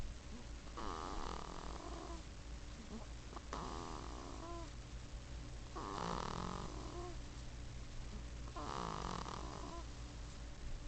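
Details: A sleeping infant snores: four rough, rattling inspiratory snores about 2.5 seconds apart over a steady low room hum.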